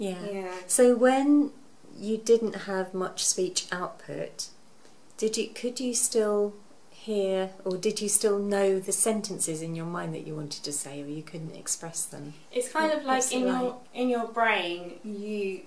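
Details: Adult speaker; typical speech.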